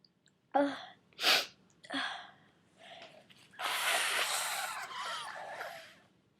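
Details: Person getting over a cold: a short run of sharp sneezes with catching inhalations between them, ending in a longer noisy exhalation, part of a series of 34 sneezes: sneezing.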